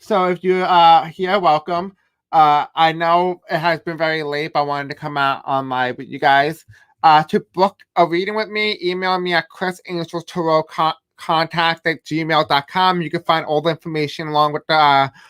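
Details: Adult male host who states he has a deaf accent and difficulty pronouncing certain words; deaf speech (deaf accent).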